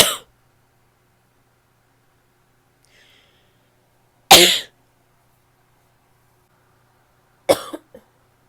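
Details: A female gives three harsh, barky single coughs separated by silence; a barking cough.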